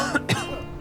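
A short acted adult cough or throat-clearing burst over background music.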